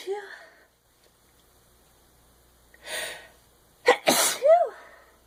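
Several sharp, explosive sneezes in quick succession after a brief quiet stretch, with a short inhaled gasp before them; repeated sneezing.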